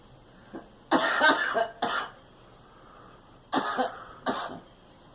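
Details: Girl coughing: four short, harsh coughs in two pairs, with quiet pauses between them.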